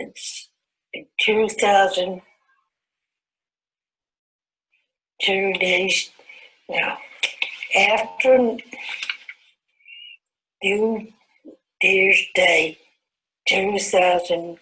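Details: 69-year-old woman (69 years 11 months) with Broca's aphasia after a stroke, WAB aphasia quotient 63.9: Broca's aphasia.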